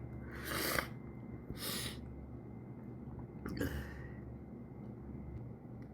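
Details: Sneezes coaxed out: two quick, airy sneeze bursts followed by a third softer sneeze with a sniff, against quiet room noise.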